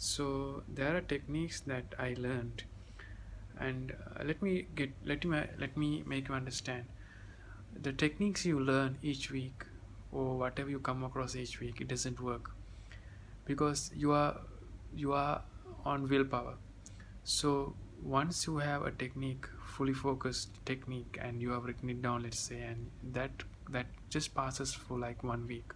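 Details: 30-year-old man who has stammered since childhood and says he is close to overcoming it; stuttering.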